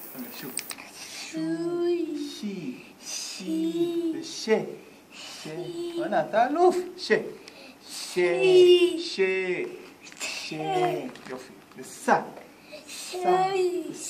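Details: Child with autism spectrum disorder and severe childhood apraxia of speech in a fricatives treatment session using the VML method, with the therapist also speaking; childhood apraxia of speech.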